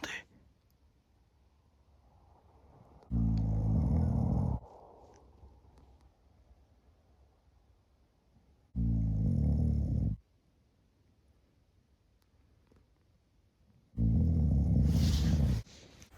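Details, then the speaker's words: A man sleeping in a cold outdoor bivouac, snoring: three loud, low, rattling snores about five seconds apart, with quiet breathing in between. "Regardez-li avec son gros pif qui ronfle."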